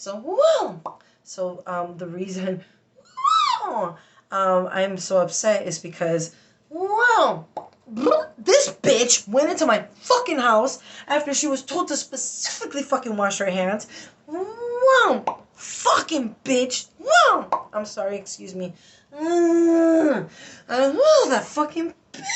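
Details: Adult woman with Tourette syndrome producing involuntary interjections ('whoa') and swearing, then apologising; vocal tics with coprolalia (Tourette syndrome).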